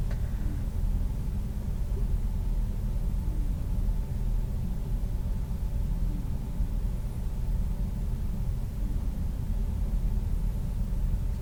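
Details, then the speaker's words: Nurse auscultating the abdomen of a real person over the aorta near the xiphoid, then the renal and iliac arteries. A steady low stethoscope rumble with no swishing bruit: no abdominal aortic bruit. "okay I'm gonna go to the renal arteries a little bit lower to the iliac arteries okay I didn't hear any breweries"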